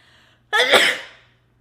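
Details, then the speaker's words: Single loud, explosive sneeze from a person with an itchy, irritated nose who says the allergies are real: a faint indrawn breath, then a sharp onset and a fading hiss. "I have to sneeze. My nose is very itchy and irritated. I don't know why."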